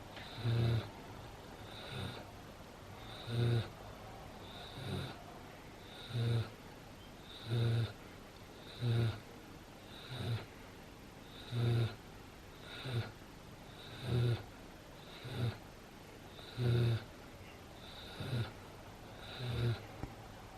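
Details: Sleeping animal snoring five minutes after a long walk, play with a toy and 10 minutes of zoomies: steady low snorting snores about 22 a minute, each with a soft whistle, over a faint hum.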